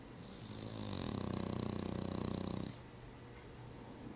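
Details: Bulldog snoring, recorded on a Flip Video camcorder: one long, loud, fluttering snore on an in-breath with rapid vibration throughout, then quiet breathing.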